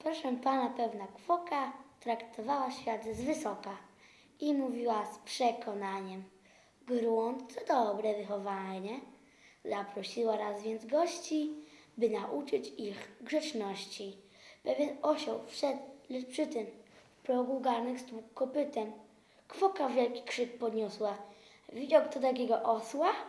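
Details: 10-year-old boy with stuttering that worsens when nervous, with faster breathing and shortness of breath, reciting a poem under great stress as a speech-therapy exercise.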